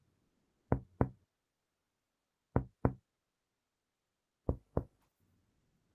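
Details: Normal resonant chest percussion.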